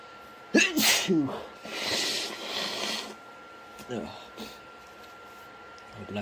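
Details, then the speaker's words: Two forceful sneezes in quick succession, then a long nose-blowing breath and softer sniffs and snorts, with a congested voice and sore throat; repeated sneezing attributed to allergies. "Oh, excuse me. My voice is all congested now. Oh, my throat hurts."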